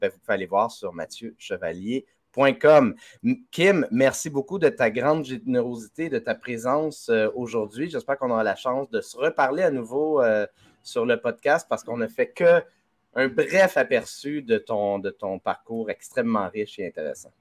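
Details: Adult male speaker; Typical speech.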